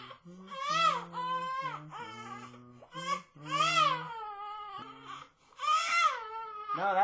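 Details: Two-month-old baby girl crying in repeated rising-and-falling wails that continue despite singing and attempts to soothe her; she refused formula from a bottle, and the caregiver suspects she wants breast milk.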